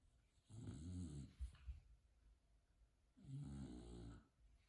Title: Snoring Bulldog Couch 🛋 Potato 🥔